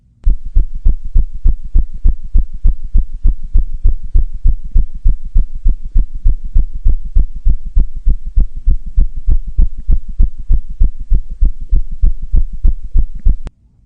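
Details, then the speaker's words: Example audio clip of tachycardia in a nursing exam review: rapid, regular, deep heart thumps at about 200 a minute, an abnormally fast heart rate. "you may also hear audio clips of heart sounds such as a regular sinus beat an irregular heartbeat a murmur tachycardia"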